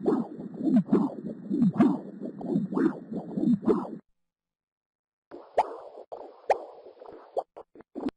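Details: Doppler heart sounds during an echocardiogram checking for a murmur a doctor thought she heard, done for presyncope; rhythmic whooshing pulses about 68 a minute, then softer, choppier pulsing; heart apparently not the issue.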